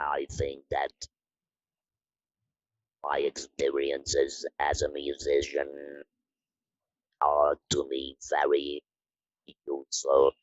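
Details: Woman from the Netherlands who had her larynx removed (laryngectomy), speaking with an Inspiration electrolarynx; electrolarynx speech after laryngectomy.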